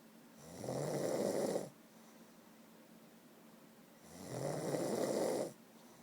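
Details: Two long, rough, rattling snores on breathing in, about four seconds apart, with quiet breathing out between, recorded close up: snoring.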